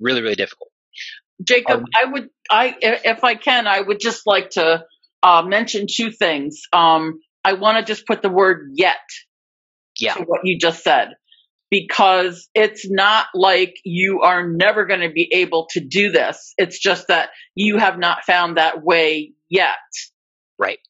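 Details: Adult woman who stutters, real speech, formerly a covert stutterer for more than 30-35 years; repetitions of words and part-words; stuttering.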